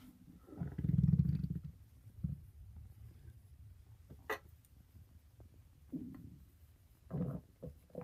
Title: Stomach growling for 2017